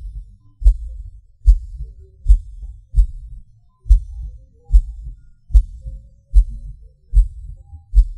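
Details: Self-recorded heartbeat of a person with PVC/PAC premature beats, felt as a falling sensation: loud beats with uneven spacing, early beats, longer pauses, skipped and extra beats.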